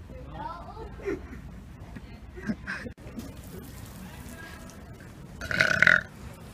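A loud belch rises over street noise and distant talk near the end; a deliberate burp.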